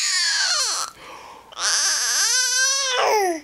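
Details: Infant almost 6 months old crying; two high-pitched wailing cry bouts with falling and rising pitch.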